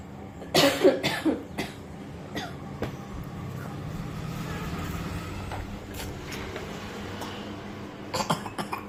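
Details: Half-year-old baby imitating her mother's cough after the mother coughs; imitated cough.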